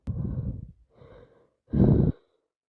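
Three short, harsh nasal snorting bursts of air, the last the loudest.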